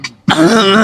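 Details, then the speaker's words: A brief acted cough-like burst, then a voiced, gravelly throat clear in a small room; a staged skit of a father's productive cough. "Ayah batuk berdahak. Ini Bunda banget."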